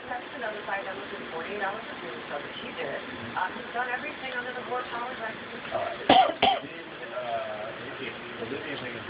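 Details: Pet bird Chloe gives two short, sharp cough-like bursts over quiet background chatter, fake coughing begun after a person coughed: imitated cough.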